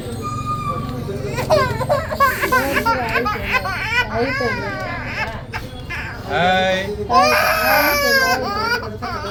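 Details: Baby held still during ear piercing: loud, sobbing cry in repeated rising-falling bursts with gasping pauses, over background music and adult voices; an infant pain cry.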